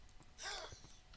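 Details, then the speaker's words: Speaker's father sneezing in the background: a single brief, hissing burst from further away in a quiet room. "noise that noise that that repeatedly that's my dad sneezing all I can hear it"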